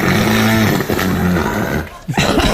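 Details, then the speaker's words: A woman's very loud, harsh, rattling snore with a low grinding rasp, then a sharp snort, likened to dragging furniture; heavy snoring. "Ou là, on dirait que tu tires un meuble."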